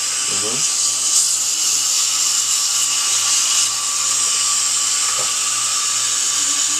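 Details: Dental drill during a bonded white (tooth-colored resin) filling: a continuous loud high-pitched whine running steadily with faint room sounds, just before the last of the drilling.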